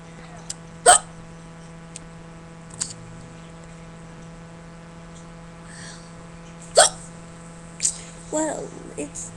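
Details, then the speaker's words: Sharp, abrupt hiccups recur a few times over nine seconds against a steady background hum; sudden hiccups in a person at about 2:37 a.m. while watching TV, who says their stomach hurts. "I have the hiccups. My stomach hurts."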